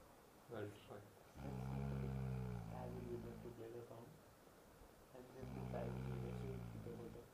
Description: kills others sleep for completing his own sleep!